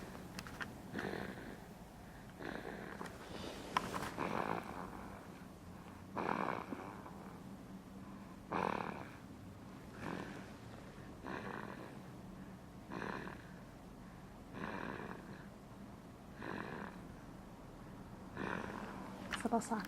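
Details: Almost 7-week-old baby snoring while asleep, with soft, regular snoring noises on each breath at roughly 30 breaths a minute.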